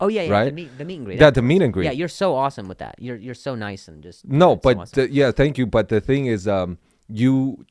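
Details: Adult male comedian whose stutter began after an injury and has improved greatly since; part-word and whole-word repetitions; stuttering.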